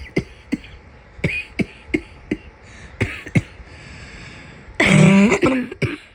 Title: My summer cold cough